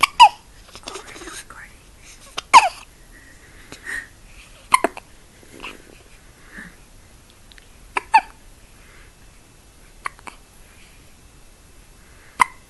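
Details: Girl with hiccups after drinking very fast: sharp, abrupt little gasping hics every few seconds, about six in twelve seconds, between quiet breaths; hiccups.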